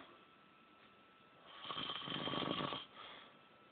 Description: This is some old man snoring. HE IS A VERY LOUD SNORER!